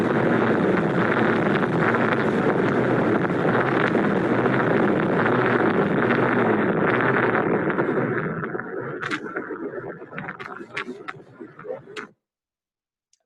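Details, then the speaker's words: A patient's recording of objective pulsatile tinnitus, about 14 seconds long: loud, steady rushing whoosh with a faint rhythmic surge, fading out near the end. "this is a whooshing recording provided by dr cismanas actually um it's about 14 seconds and again it's a little bit loud"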